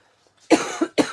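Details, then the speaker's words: A speaker during a live craft demonstration says they seem to cough whenever they talk: a short run of three dry, voiced cough bursts in a small quiet room. "Aussitôt que je parle, on dirait que je tousse."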